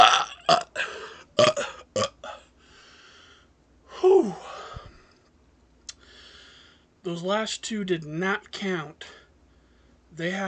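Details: Deliberate one-minute burp challenge, 83 burps: a rapid series of loud burps, some short and gruff, others drawn out and voiced, with brief pauses.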